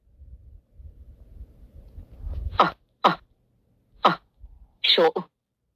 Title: numberblocks 81 uncentillion sneeze